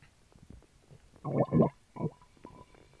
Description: I drank a small can of Sprite while recording my stomach and it caused quite a ruckus. You can hear it fizzing down as I drink.